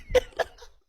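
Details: Person who says they have a cough: two short cough bursts with a faint trailing breathy sound.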